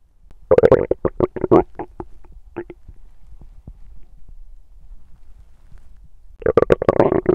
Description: I wanted to record hungry sounds but Instead I could good digestion sounds🙌